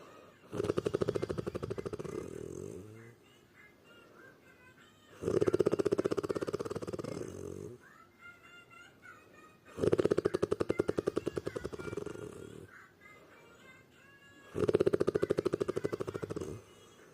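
Loud, rattling snores on each breath in, about every four and a half seconds, with quiet pauses between.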